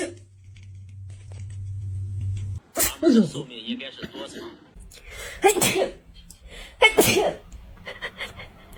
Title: I Sneezed on My Cat 😂🐱 | Hilarious Cat Reaction | Viral Cat Shorts